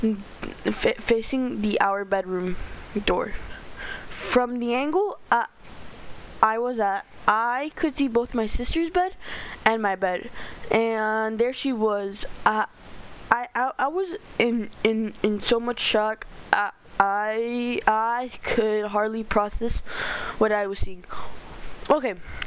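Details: Stuttering in a male narrator reading a story aloud; he says he stutters a lot and reads badly.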